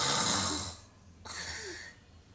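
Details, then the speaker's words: Sleeping child: two noisy, rattling breaths; primary snoring, possibly associated with apnea, described as never normal in children in any position. "es un ronquido primario o puede estar asociado a la apnea eso no es normal roncar Nunca es normal en ninguna posición en los niños"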